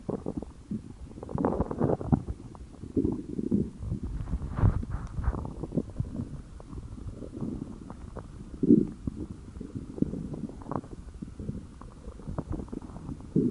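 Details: Hungry stomach growling: low, irregular rumbles and gurgles coming and going throughout, ordinary borborygmi.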